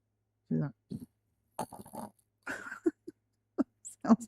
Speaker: Okay, my dog snoring. I don't know if you guys can hear that.